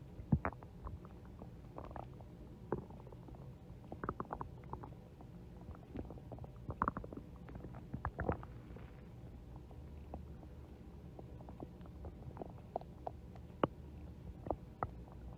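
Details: Stomach growling (borborygmi): soft, scattered gurgles and pops from the belly over a low background.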